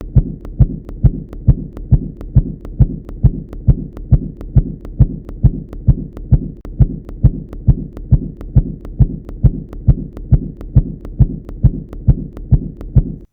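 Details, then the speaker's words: Sharp, regular tapping at about 136 per minute as the cuff deflates further: Korotkoff sounds become regular, captured in both inspiration and expiration, marking the lower pressure in a pulsus paradoxus demonstration. "when you lower the cuff pressure further at one point you will start to hear corrupt cough sounds very regularly"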